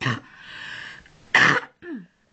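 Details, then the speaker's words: Loose, wet cough and a forceful throat clear on day 2 after a tongue piercing, with a swollen, painful tongue, a bad cough and a sore throat; mucus keeps sticking at the back of the throat and cannot be cleared. "so i'm coughing up lots of really disgusting new kissy stuff because it keeps getting stuck at the back of my throat i can't clear it because my tongue doesn't want to move"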